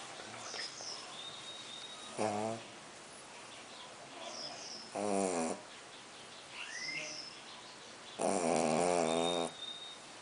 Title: Pug Roncando Snoring (colt roncando)